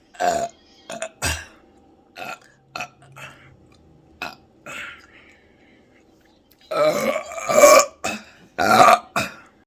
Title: Trying Paqui Haunted Ghost Pepper Chips+LOUD Burping